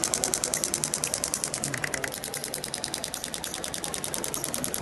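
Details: Rapid steady mechanical tapping from a radial shockwave applicator over the posterior shoulder/deltoid of an uninjured Olympic athlete during fascia release for a tight thoracic spine and reduced shoulder range of motion.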